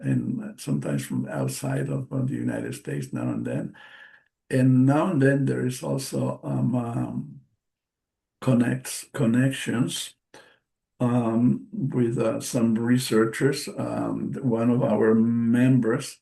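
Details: Man, a stroke survivor with post-stroke aphasia, speaking English as a non-native speaker during a presentation; word repetitions and self-corrections are audible; aphasia.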